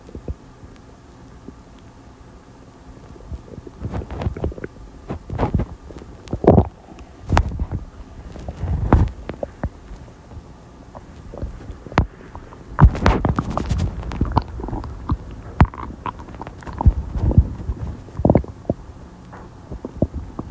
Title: Soda + lunch stomach noises